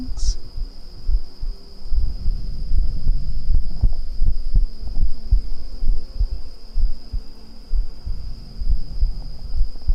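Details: Adult heartbeat, unclear whether real, recorded for ASMR: soft, muffled low thumps at about 69 a minute, with a steady high cricket chirr in the background.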